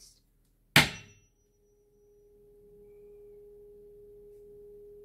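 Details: A sharp strike, then a steady, pure hum that slowly fades, from a tuning fork held to the first ear in a role-played hearing test for mild hearing loss.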